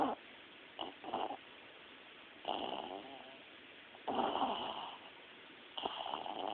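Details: A female puppy, a heavy sleeper, snoring in sleep with face twitching: soft, fluttering snores on each breath, about one every one and a half seconds.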